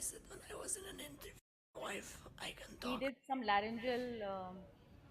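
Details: Muscle tension dysphonia, treated with voice exercises and reportedly doing very well now.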